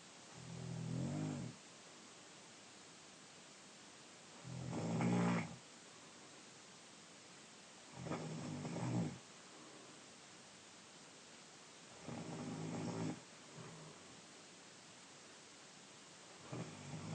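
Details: 15-year-old male (brother), 5'10", 156 lbs, asleep: slow, low rumbling snores on each in-breath, about 15 a minute, with quiet pauses between; ordinary loud snoring.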